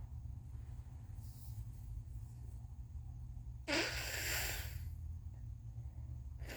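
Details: Congested sneezing on day 2 or 3 of a cold: a quiet, breathy buildup, then one forceful, hissy sneeze, over a low background rumble.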